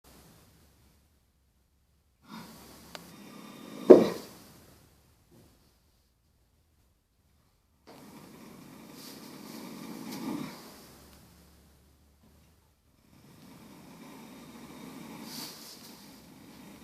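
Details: Snoring from someone who has just lain down for a nap: three rough, rattling snoring breaths separated by quiet pauses in a small room.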